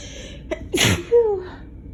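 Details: A single ordinary sneeze: a quick inward breath, one sharp explosive sneeze, then a brief voiced trailing sound, from a person with allergies who apparently also has a summer cold.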